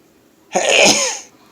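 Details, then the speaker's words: Self-described chronic sneezer who says he doesn't really have allergies, sneezing in the morning after waking; single loud, explosive sneeze with sharp hiss and brief voiced tail. "i think i don't know i don't really have allergies hey i'm just a chronic sneezer"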